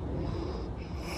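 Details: Pug snoring while standing asleep in a swimming pool: pug snoring noises.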